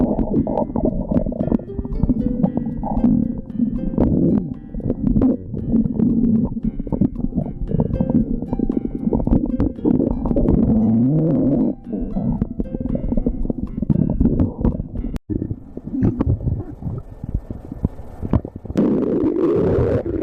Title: stomach growling